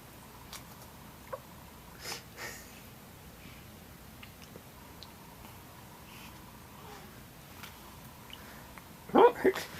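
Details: Newborn baby girl in a home recording: faint, brief catching sounds in a quiet room; infant hiccups.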